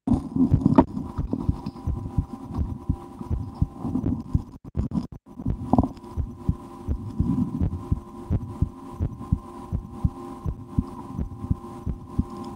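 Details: Adult's own heartbeat through a stethoscope in an ASMR recording, with breath-holding and a game to speed the rate; steady low double thumps about 85/min with faint hum and post-lunch stomach rumbling; normal heart sounds.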